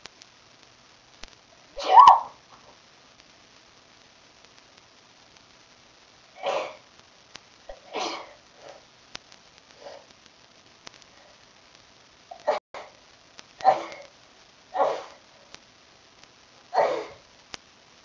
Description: Luckily I was at the computer to catch this sneeze attack